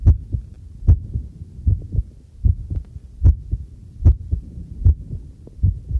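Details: Own normal heartbeat recorded with a homemade field stethoscope microphone while doing housework: steady lub-dub about 75 a minute, with faint household clatter and running tap water behind.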